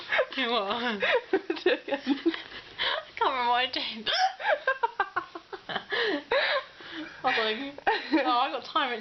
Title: Hiccups and Hairstyles